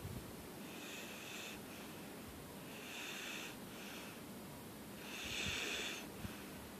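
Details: Light snoring through the nose: soft hissing, whistling breaths at a slow, regular pace over steady background hiss.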